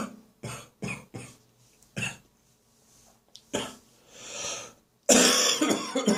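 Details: A run of about six short, wet coughs from an adult in the bathroom first thing in the morning, then a loud gurgling throat clear and spit, still bringing up catarrh: productive cough.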